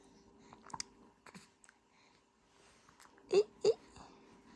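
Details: Quiet room with faint clicks and soft infant noises, then two sharp, abrupt voiced catches close together as the baby grumbles; infant hiccups.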